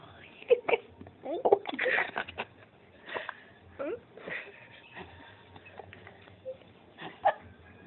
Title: cute baby being hiccups ... !!!!!